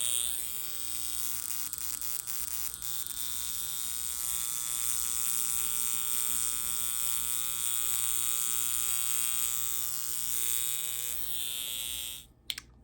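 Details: High frequency facial device with electrode, dial at about 2.5 of 5, used as a skin spot treatment with finger grounding: a steady, high-pitched electrical hiss and buzz that cuts off when switched off.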